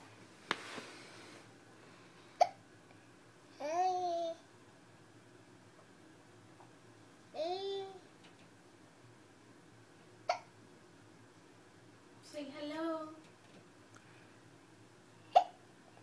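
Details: Hiccups: four sharp, abrupt hiccup clicks spaced several seconds apart, with soft babbling between them in a quiet room.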